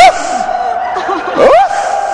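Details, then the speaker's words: A speaker with Tourette syndrome imitates a friend's full-blown Tourette vocal tic: a sudden loud, pitch-sliding outburst, with faint audience chuckles. "There's a friend of mine, his name is Duncan McKinley. He's got a PhD, he's got full-blown Tourette's. Please don't move, because someone might get hurt here. Okay, this is what he does."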